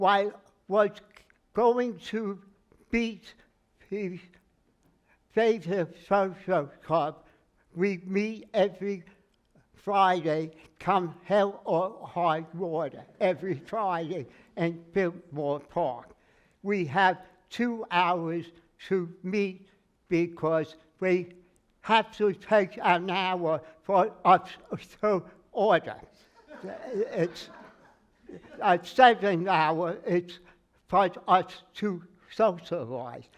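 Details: Adult man with aphasia after a stroke, noticed on waking; speech never recovered beyond about 80%; in speech therapy and an aphasia group; word-finding errors and garbled phrases; aphasia after stroke.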